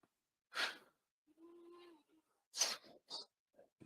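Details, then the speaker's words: Cat snoring quietly in the background of a room: soft airy breath noises with a brief thin whistling tone. "you guys hear that noise behind me yeah that one right there it did stop me out okay that's a cat snoring"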